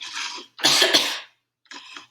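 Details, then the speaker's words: Normal voluntary cough during a clinical swallow evaluation, cued after nectar-thick liquid trial: one strong, clear voluntary cough with softer throat noises around it, judged normal. "all right i'm gonna cough all right all sounds normal"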